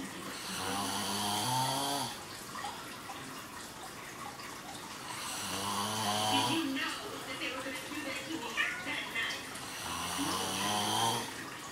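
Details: Snoring during sleep: loud, buzzing, whistling snores on each breath, about 13 breaths per minute, with quieter rasping between them.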